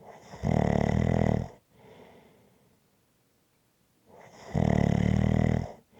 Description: ASMR Relaxing Snoring Sounds.